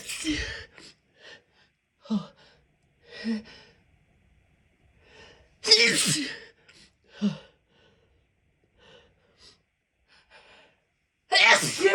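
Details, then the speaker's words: A person sneezing: a series of quick, muffled, held-back stifled sneezes with breathy intakes between them, ending in a fuller sneeze. "Oh. That's how I sneeze in public."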